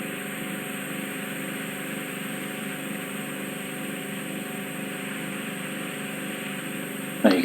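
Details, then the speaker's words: Ear microsuction using a full-size suction tube under an endoscope to lift a difficult wax plug sitting on the eardrum: steady suction hiss with low mechanical hum, then a brief loud rattle as material is drawn into the tube. "so you need you need the full size tube to to get the round the power to to pull something like this out"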